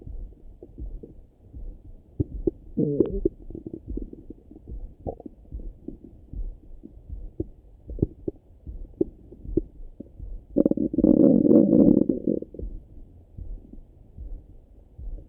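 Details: Morning stomach rumbling heard through a stethoscope: irregular gurgles and clicks with one longer bubbling rumble, ordinary bowel sounds (borborygmi).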